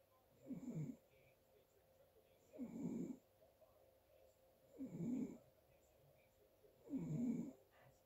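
Soft, rhythmic snores on each breath in, about 28 a minute, with quiet gaps between; ordinary snoring during sleep.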